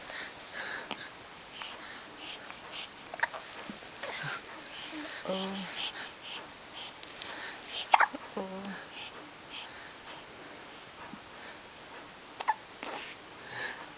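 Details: Infant boy, surprised by his own hiccups and trying to stand up to get away; two short, abrupt voiced hiccups several seconds apart among soft whispering and rustling.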